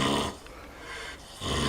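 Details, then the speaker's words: Loud rough snorting snores with quieter pauses between breaths from the eldest sleeping Vietnamese pot-bellied pig, a female of about 120 kg; snoring. "всем привет стоит такой храп пойду посмотрю кто там храпит"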